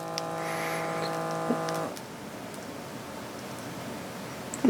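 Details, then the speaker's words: Withings wireless automatic blood pressure monitor on an adult man, cuff held at heart level: steady electric pump hum as the cuff inflates, then stops and slowly releases air; result 142/80, heart rate 77, stage 1 high blood pressure. "okay okay so it's done pumping and now it's slowly releasing the air and we are all done I can feel it releasing the air"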